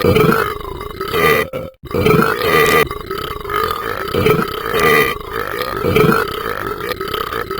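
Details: Dog burping: loud, drawn-out, gurgling throaty sounds repeating across the clip with a brief pause; prolonged belching.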